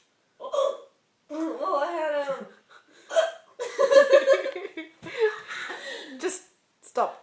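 Several sharp, abrupt vocal hiccup sounds with breathy voiced stretches and laughter between them: hiccups.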